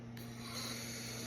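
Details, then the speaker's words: Left below-elbow amputee's myoelectric prosthetic hand, driven by flexing and extending residual-limb muscles: brief whirring and ratcheting of a small motor as the hand closes on flex, opens on extend, and switches grips (power grip). "So now if I uh think about this is the flex. So now it's closing. And this is the extend."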